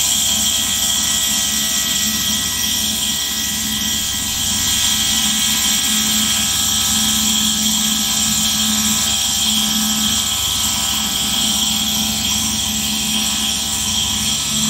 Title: ASMR Nebulizer Sound 4K 1 hour